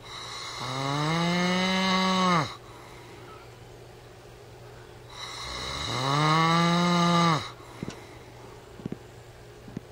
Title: My husband snoring like a farm animal